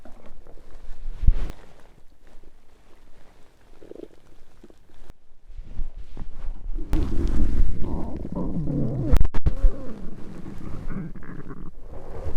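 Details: Low gurgling and rumbling rising into a long bubbling growl halfway through, presented mainly as digestive rather than hunger sounds; stomach growling (borborygmi).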